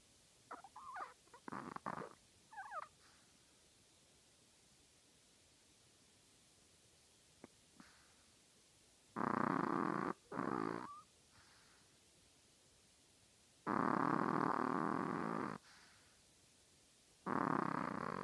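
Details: Snoring in a tiny 3.5-pound chihuahua: soft snuffling snores, several drawn-out noisy breaths with pauses between, surprisingly loud for its size.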